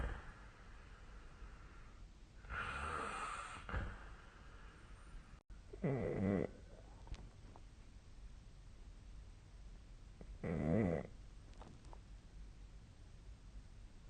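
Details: Snoring during sleep, recorded 2025-02-27: slow, rough snores, about three breaths over fourteen seconds with quiet pauses between, over faint room noise.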